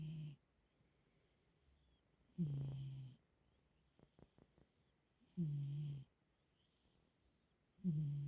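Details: Cat snoring peacefully in sleep: low, rumbling snores roughly every three seconds, about 20 a minute, with faint clicks between.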